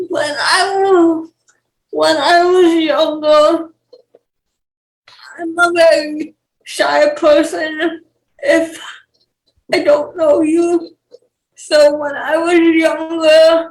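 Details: 28-year-old woman with cerebral palsy and speech issues; dysarthria (cerebral palsy).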